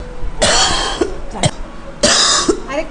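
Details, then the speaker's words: Acted child's cough: about four short, harsh, dry-sounding bursts in quick succession in a quiet room. "हुआ बेटू? खांसी हो गई क्या?"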